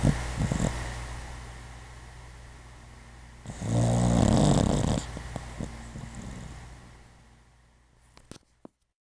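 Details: Sleeping puppy, very sleepy recently and snoring a lot: a single loud, low rattling snore over soft breathing; snoring.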